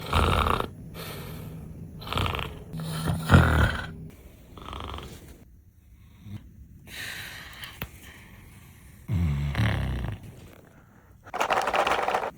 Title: Testing different anti-snoring hacks so I can save my marriage! #snoring #bettersleep